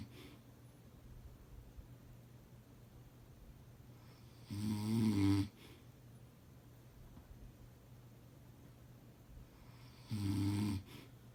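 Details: Husband snoring: two loud, rough snores about six seconds apart in a quiet room, with soft breathing between them; snoring during sleep.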